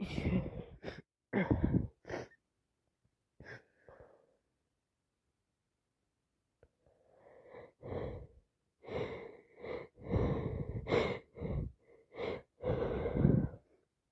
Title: Sit with me as I sneeze awful allergies plus cold makes me sneeze 🤧 non stop